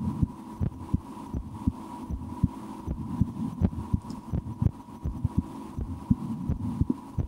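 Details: An adult's own heartbeat through a stethoscope: paired lub-dub thumps at about 80 per minute over a faint hum. Normal heart sounds, with some breath-holding and attempts to speed the heart up; the stomach is also digesting after lunch.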